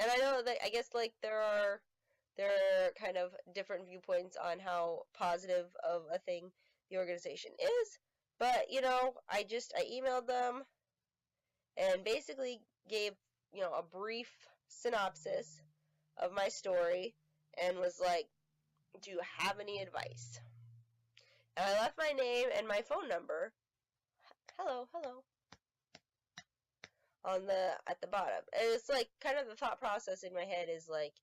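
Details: Adult woman with self-identified Tourette syndrome, not confirmed by a neurologist (atypical case), with repeated interjected "hello hello"; vocal tics (Tourette syndrome).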